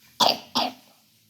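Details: Child giving two short, dry coughs in quick succession while reading a picture book aloud; cough.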